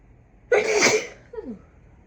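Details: A deliberately induced sneeze in a person who rarely sneezes naturally and reports no current illness or allergies: one loud explosive sneeze followed by a short voiced exhale.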